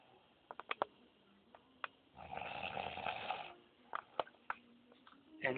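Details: One loud, rough snore over a second long from a sleeping contestant in a snoring contest, amid clicks and faint room sounds; loud sleep snoring.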